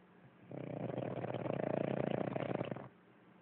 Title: Snore bird